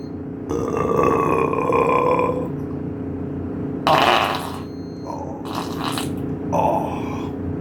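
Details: Burping: a long, deep, drawn-out belch followed by shorter throaty bursts, after eating cake and ice cream.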